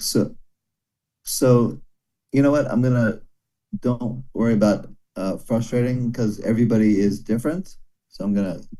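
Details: Broca's aphasia in a man after a stroke during heart valve surgery about 17 years ago; comprehension reported intact, speaking very hard; daily speech therapy, improving slowly.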